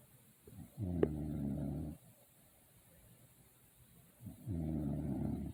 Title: My daughtter recording me sleep & snoring😂😂😂